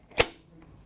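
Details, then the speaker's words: HeartSine 350P semi-automatic defibrillator: a single sharp plastic click as the combined battery and pad pack, rated for four years, snaps into place. "until it clicks now that will last for four years the battery and the pads in that device will last for four years"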